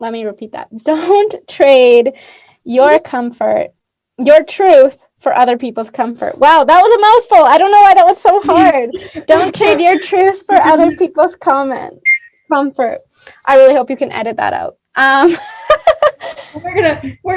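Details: Adult woman speaking; typical speech.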